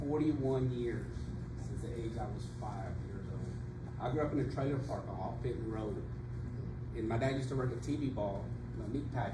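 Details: Adult man; no disorder.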